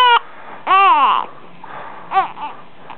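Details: Brief, bright, high-pitched cries and fussing from an upset baby boy, separated by quiet pauses; infant cry.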